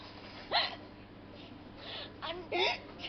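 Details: Hiccups in a very drunk adult on a night out: several short voiced gulping catches within three seconds, sudden onset with a brief vocal squeak, faint room background.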